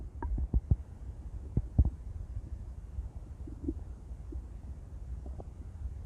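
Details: Stomach growling from a female: intense low rumbling and gurgling with a few short squeaky bubbling sounds over a steady background hum; borborygmi, normal bowel sounds.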